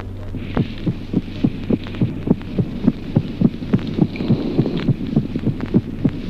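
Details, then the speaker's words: Late systolic click of variable incidence: a clear extra sound shortly before the second heart sound. It moves away from the second sound on expiration, becoming more evident. "Click. telesistólico con incidencia variable poco antes del segundo ruido, un ruido adicional claro que en la expiración se aleja del segundo ruido y se torna así más evidente."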